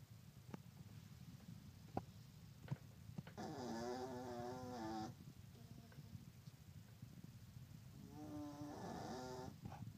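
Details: Yorkie napping: soft, whistling, wheezy light snores, two clear episodes over a faint low rumble.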